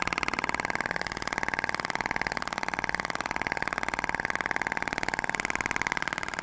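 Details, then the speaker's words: Thork radial shock wave (ESWT) applicator firing during a facial skin-quality treatment below the chin, with gel, 6,000 shots spread over the face: rapid, very even mechanical tapping at about 230 pulses a minute. "A então eu distribuí 6.000 disparos vejam como é rápido o tratamento né"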